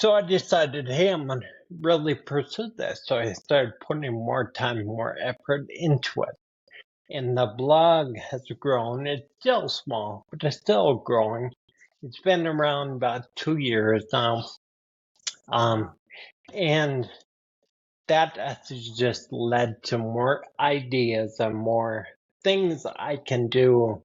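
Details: 52-year-old man with spinocerebellar ataxia type 15 (SCA15), a rare progressive neurodegenerative disorder; his speech has worsened since his early 40s, along with his balance and handwriting: ataxic dysarthria.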